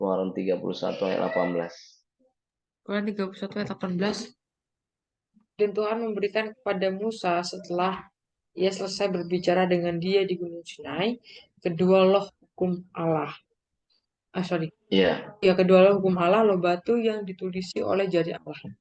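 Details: Adult woman reading aloud; normal speech.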